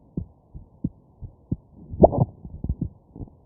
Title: Heartbeat with hiccups